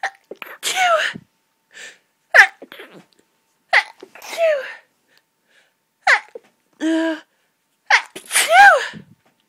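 About five forceful sneezes in quick succession, each with a sharp intake before it; a sneezing fit from hay fever.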